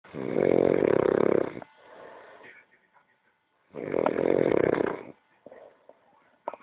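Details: Small dog snoring while asleep: loud, rough buzzing snores on each in-breath with quieter out-breaths between.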